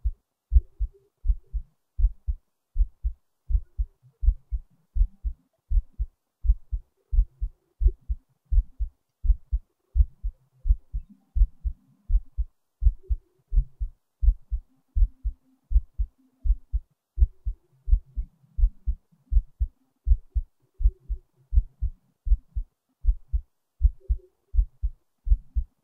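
Steady, low, thudding heartbeat with paired lub-dub sounds at roughly 80 beats a minute.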